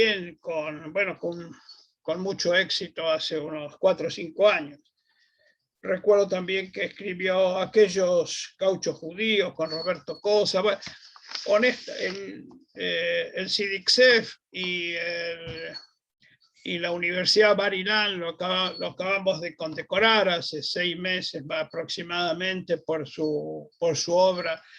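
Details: Adult man speaking Spanish; ordinary speech.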